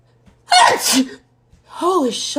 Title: Compilation Girl sneeze